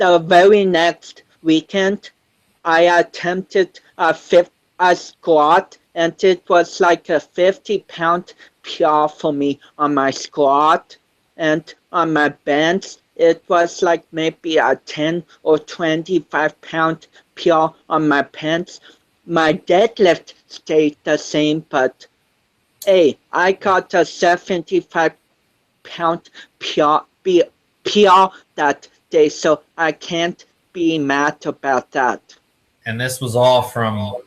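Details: 25-year-old man with cerebral palsy since birth, which he says affects his balance, coordination and speech; doctors said he would never walk, and he is now a powerlifter; dysarthria (cerebral palsy).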